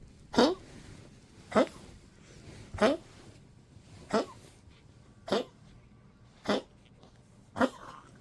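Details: 15-year-old Poodle, weak and sleepy in cold 12°C weather, eating less, coughing a little: seven short, dry coughs in a steady series about one a second.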